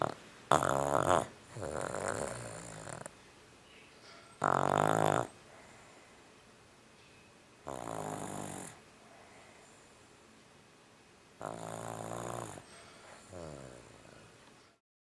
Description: she snored one day and then I took out the camera and taped it.